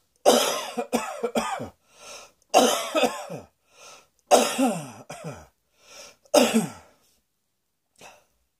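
Four bouts of harsh, forceful coughing, each two to four coughs, with short breaths between; a repeated dry-sounding cough.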